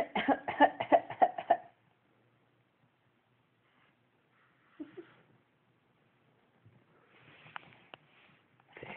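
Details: Unwell boy with mucus in his lungs gives a rapid run of about six congested, wet coughs, then falls quiet; wet productive cough.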